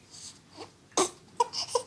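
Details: Brief, high-pitched fussing cries and whimpers in short bursts with quiet gaps, from a baby at a GP consultation in a small room; parents had noticed a white spot in the pupil, later referred to eye casualty: infant crying.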